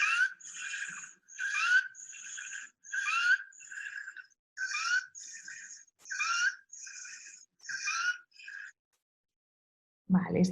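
Rapid, regular noisy breaths, about 40 a minute, each with a high whistling, squeaky quality on both breathing in and out. This noisy, laboured breathing in a sleeping child points to a possible upper airway obstruction; the child needs to be sat up with the airway kept open.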